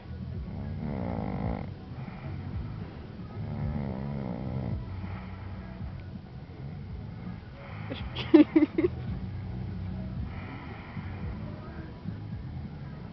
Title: schnarchen beim Force